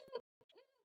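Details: Mother imitating the nervous vocal tic of her 11-year-old daughter with Tourette's; vocal tic (imitated).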